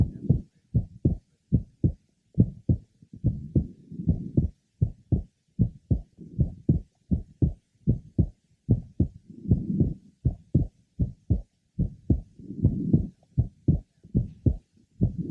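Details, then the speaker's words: Normal physiological splitting of the second heart sound: the second sound splits on inspiration and becomes single on expiration, with audible breathing. "the second sound becomes split with inspiration and single with expiration"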